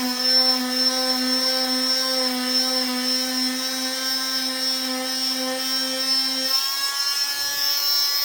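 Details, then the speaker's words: Steady high-pitched whine of an oscillating cast saw bivalving a below-knee cast on the second side, held with the other hand as a stability point, with a slight pitch shift near the end. "You just want something else besides this one hand when you're cutting that, okay? So now we're gonna cut the other side."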